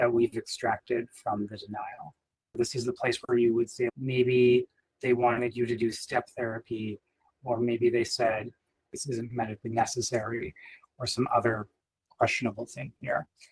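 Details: Adult male speaker; typical speech.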